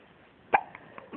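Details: Baby girl: a single sharp, brief burst against quiet room noise; infant hiccup.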